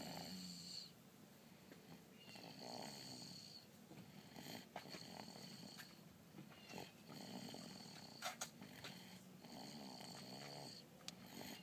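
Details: Soft, rhythmic snoring from a napping, drooling cat, with a raspy sound on each breath about every two seconds; ordinary snoring during sleep.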